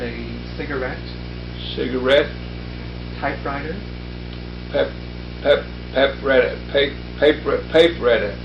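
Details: Wernicke's aphasia with neologistic paraphasia, a neologism produced for a target word during a naming and repetition task.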